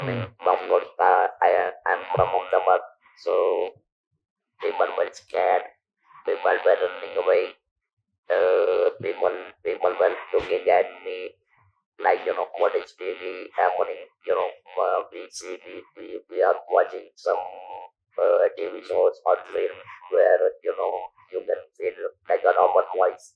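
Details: Male survivor of stage 4 vocal cord (throat) cancer, operated in 1997 (about 10,000 days earlier), natural voice lost, speaking with an external electrolarynx device; electrolarynx speech.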